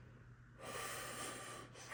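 A soft, rushing breath noise rises after a quiet moment, fades briefly, then returns as the next breath starts, over a low steady hum. These are normal vesicular breath sounds heard during deep mouth breathing, typical of healthy lung tissue.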